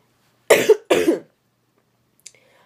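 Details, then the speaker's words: An adult with a cough, talking about a yoga routine: two harsh cough bursts in quick succession, then quiet. "if you have any other questions please let me know sorry for coughing"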